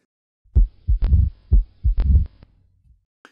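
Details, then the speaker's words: Mitral stenosis heard at the cardiac apex, the best site for auscultation, at about 62 beats a minute: a sharp opening snap after the second heart sound, then a low diastolic rumble. "remember that the largest mass of the left ventricle is at the cardiac apex and so that's the best area for auscultation"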